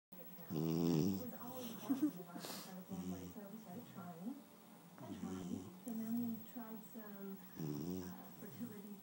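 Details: Rhythmic low, rumbling, fluttery snores from a sleeping bloodhound puppy, recurring about every two to three seconds, with faint room noise; dog snoring.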